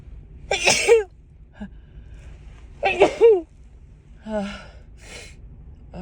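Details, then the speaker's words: Woman with a sneezy head cold, stuffed-up nose and a constant nasal tickle: two loud, sharp sneezes with quieter breathy sounds between them. "oh my nose just tickles all the time just it constantly feels like I need to sneeze"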